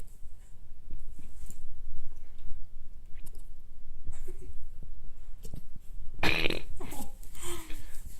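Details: Newfoundland puppy with hiccups, unsure what they are: faint, abrupt gulping sounds about every second over low room rumble, ending in a louder snort and soft whine; hiccups.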